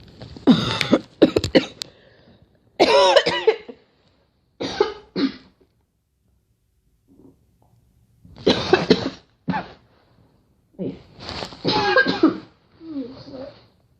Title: Girl Coughing 16